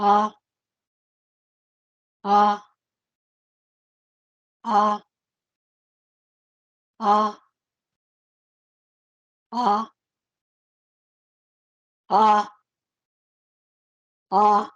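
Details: Patient with vocal fold paralysis persisting over 10 years after thyroid surgery, in voice training, producing sustained 'ah' vocalizations while raising pitch step by step; dysphonia due to vocal fold paralysis.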